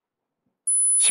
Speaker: 삐하는 소리가 들릴 거예요.이 소리가 만약 뭐 안 들렸다고 하면 난청이 거의 확실합니다.